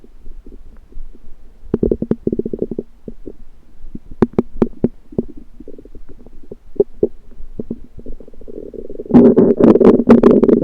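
Irregular gurgling, clicking and squelching with a louder rolling rumble near the end: ordinary stomach rumbling, borborygmi.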